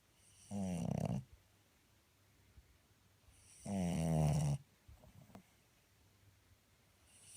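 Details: A sleeping dog snores low and fluttering on each breath, with quiet pauses and small snuffles between: dog snoring.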